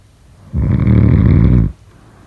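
One loud, low, rattling snore on an in-breath, lasting about a second: ordinary snoring.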